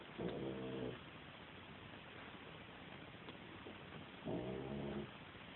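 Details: Sleeping female cat snoring: two loud, buzzy, rattling breath sounds about four seconds apart, with quiet between them.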